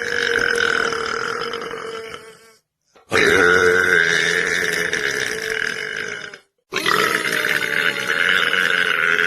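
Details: Male belching voluntarily: three long, loud, rumbling belches, each lasting a few seconds, separated by short silences; burping.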